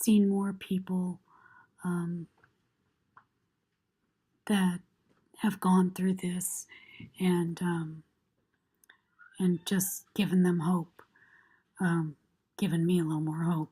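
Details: Adult woman with left vocal cord paralysis diagnosed about six months earlier, self-described as pretty severe, before medialization thyroplasty with arytenoid adduction; reports air loss, fatigue, light-headedness and aspiration, cord stuck open; breathy voice from unilateral vocal cord paralysis.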